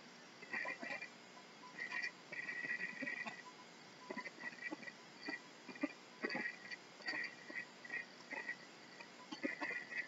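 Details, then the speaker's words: Irregular gurgles and clicks every second or so, heard through a stethoscope bell placed lightly on a male patient's abdomen: normal active bowel sounds. "And his bowel sounds are active."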